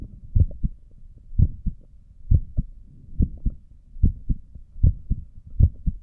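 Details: Own heartbeat recorded through a stethoscope while sitting at a desk, with a visible neck pulse; steady, regular lub-dub at about 66 beats a minute; normal heart sounds.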